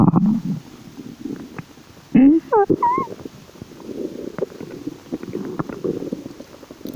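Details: Bowel sounds (borborygmi) from the belly: low gurgling and rumbling with a few squeaky rising and falling gurgles.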